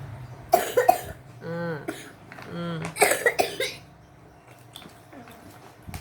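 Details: Young child sick with flu coughing: two clusters of short, harsh coughs separated by drawn-out whoop-like vocal sounds.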